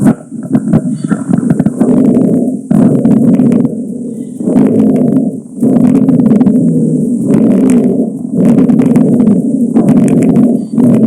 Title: 1. Repiratory sound (rhonchus, rhonchi)